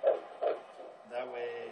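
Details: Fetal heartbeat at a prenatal appointment, with about a month to go before a possible ultrasound; the clinician says it sounds strong.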